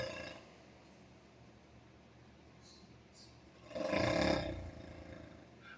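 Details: Someone in deep sleep, after several quiet seconds, gives one loud, rough, rumbling breath about a second long; snoring.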